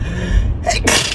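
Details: Adult with a head cold, both nostrils completely blocked, also coughing: a single wet, explosive sneeze after a brief indrawn breath.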